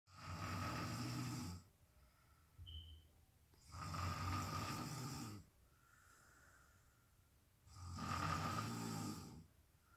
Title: Snore Cam